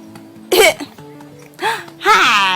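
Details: Three short, harsh coughing bursts with music in the background from an infant girl with hiccups and a hard tummy, thought to need burping: cough.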